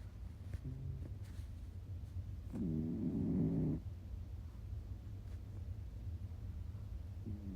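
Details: Cat named Kiko snoring quietly: steady low rumble throughout, with a louder, tonal, whistling snore partway through and faint room noise.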